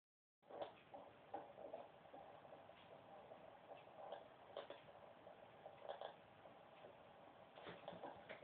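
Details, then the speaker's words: Fetal heartbeat on Doppler at the last prenatal checkup: whooshing pulsing rhythm, slower than when first heard, as expected; fetal heartbeat. "crazy how to hear it. Slower than before. Sometimes when it was a bit faster when we first listened in there, but you know, it's meant to slow down."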